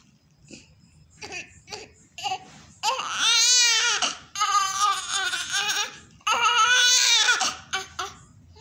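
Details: Loud, high-pitched newborn cries in bursts with short gasping pauses from a chubby newborn baby boy just after a home birth; vigorous newborn crying.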